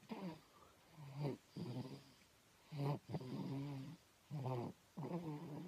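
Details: Low, voiced, grunting snores in quick paired bursts of inhale and exhale in a quiet room; snoring, recorded 10/9/15.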